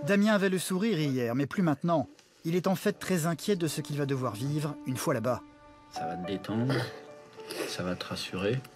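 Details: Adult narrator, French; ordinary fluent speech.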